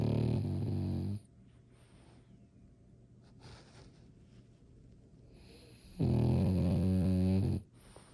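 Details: Sleeping French Bulldog snoring: loud, buzzing snores on the in-breaths about five seconds apart, with quiet breathing between.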